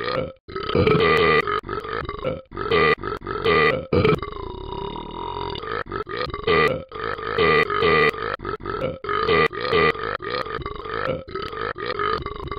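Long run of loud, drawn-out, gurgling burps with brief gaps between them; repeated belching.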